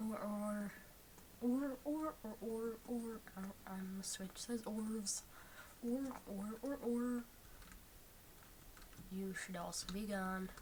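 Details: Imitated re-enactment of her own early-childhood speech after a chin injury that made opening and closing the mouth hard; mouth barely open, lisp and tongue thrust, hard to understand; lisp with tongue thrust and restricted jaw opening (imitated).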